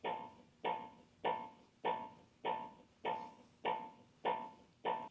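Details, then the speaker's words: AED training demonstration on a simulated collapsed person in a gym: a steady metronome beat of about 100 a minute paces CPR chest compressions, with the heel of the hand mid-chest, pushing down 2 inches. "Push the chest down firmly 2 inches. Keep time with the beat."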